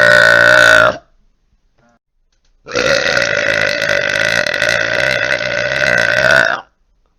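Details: Deliberate burping from a burp compilation: two loud, prolonged, rumbling belches, the second lasting about four seconds; burping.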